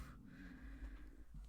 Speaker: so that's just my stomach growling I'm not sure if you can hear it dinner's like 10 minutes away